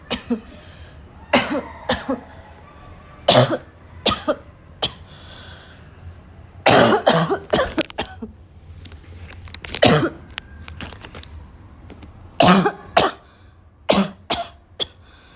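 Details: Afternoon coughing fit in a girl that starts weak and grows violent: repeated harsh coughs in clusters with throat clearing and snorting, growing stronger in a prolonged fit.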